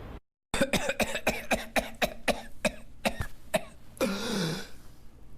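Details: A run of about twelve rapid, breathless coughs, then a long high-pitched gasping whoop as air is drawn in: whooping cough (pertussis).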